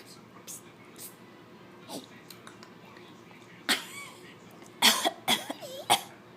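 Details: A young child makes a few small, breathy, deliberate (fake) coughs, weak bursts that barely come out while the child is coaxed on: voluntary cough.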